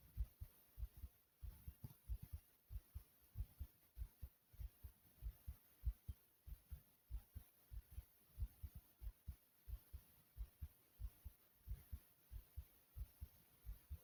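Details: A person's own fast but regular heartbeat, described as fast yet smooth: steady, soft, low lub-dub thumps at around 95 beats a minute, even and smooth.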